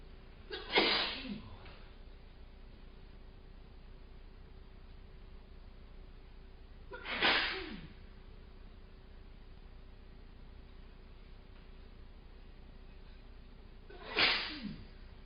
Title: Control Your Sneezing